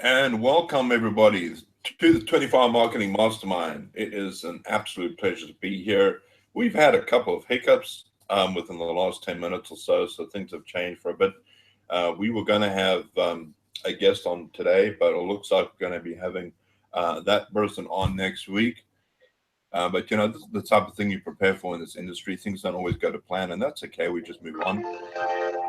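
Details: Adult male speaker; normal speech.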